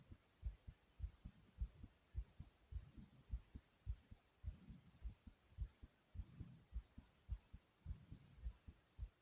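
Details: Racing heartbeat deliberately made fast, with heavy breathing: steady, muffled, regular low thumps at about 105 beats a minute, tachycardia.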